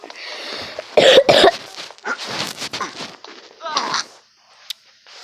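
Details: Sick person coughing while playing a mobile game: several short, harsh cough bursts, some with throat clearing, mixed with game sounds and brief talk.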